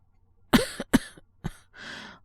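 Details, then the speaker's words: Two sharp coughs, a softer third, then a breathy exhale; acted cough by a male voice actor playing a man with a worsening cold who woke from coughing. "俺も、咳込んで起きたんですけど。"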